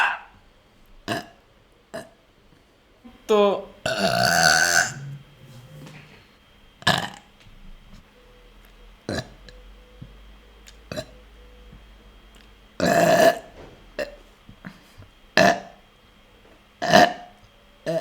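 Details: VTuber burping: a run of loud, short burps, about nine over eighteen seconds, with one longer drawn-out belch; ordinary belching.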